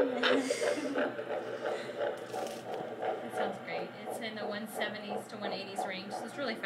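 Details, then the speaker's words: First time hearing the baby's heartbeat on a Doppler probe: rapid, rhythmic whooshing pulses, about 170s–180s beats a minute; a normal fetal heartbeat. "and perfect is perfect I know it's kind of amazing to me I'm like that's inside do make it real really quickly doesn't it yeah so once we hear the heartbeat there's less than a 10% chance of miscarriage"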